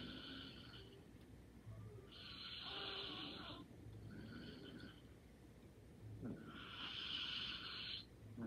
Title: Light snoring and sleeping soundly😴